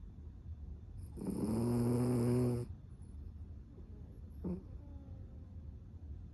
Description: Cavapoo snoring LOUD